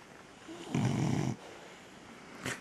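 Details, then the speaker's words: Young golden retriever puppy, recently recovered from illness, snoring loudly while falling asleep; owner notes he is loud for his small size. "as you can hear, sometimes he snores. God knows what he'd be like when he's bigger. If he's that loud when he's so small."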